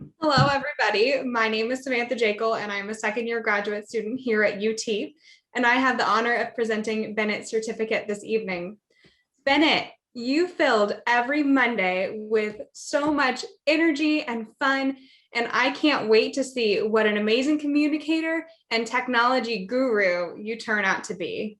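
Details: Adult woman; typical speech.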